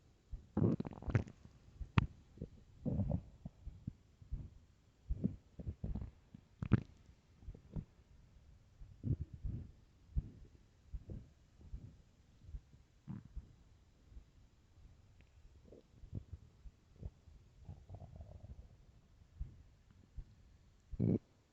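Irregular low gurgles and rumbles with short bubbling bursts over about 20 seconds; ordinary stomach growling on an empty stomach.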